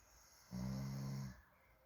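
One loud, low, buzzing snore lasting under a second in a quiet room; snoring.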